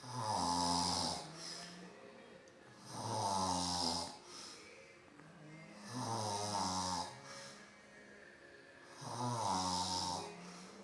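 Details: Stepdad snoring after falling asleep in front of the TV: regular loud droning snores about 20 a minute, each followed by a softer breath out.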